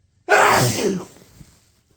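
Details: Sneezing: a single loud, explosive sneeze, described as a huge pepper sneeze, bursting out and fading over about a second.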